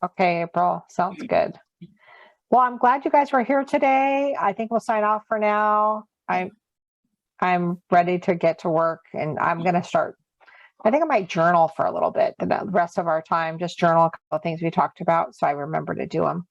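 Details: Adult woman speaking; ordinary speech.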